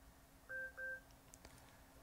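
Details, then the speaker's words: Maquet Servo-U ventilator being prepared as an in-hospital transport ventilator: CO2 sensor calibration with a reusable cuvette holding room air, signalled by two short electronic beeps and then a faint click. "Därefter trycker du på OK och den kalibrerar. Detta tar några sekunder."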